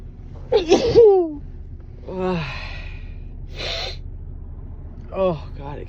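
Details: Allergy-related pre-sneeze gasping: several sharp voiced in-breaths and catches, build-up to sneezes that stall, false starts and tickly sneezes.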